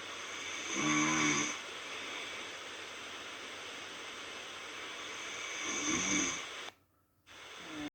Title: myself snoring 😴, no good